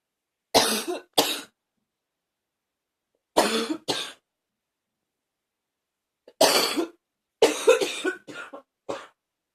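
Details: Persistent cough: harsh bursts in pairs and a closing cluster, about eight coughs in ten seconds, with quiet gaps between.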